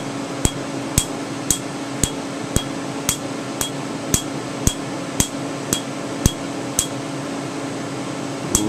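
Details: Sharp snapping clicks about twice a second over a steady hum: Candela TriVantage Q-switched 755 nm alexandrite laser, 2 mm spot, striking a name tattoo on skin numbed with topical anesthetic, with slight pinpoint bleeding.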